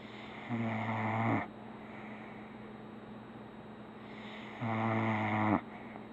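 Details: Dog snoring on a pillow: two loud, rhythmic rattling snores about four seconds apart, with quiet breathing between them and a steady low hum in the room.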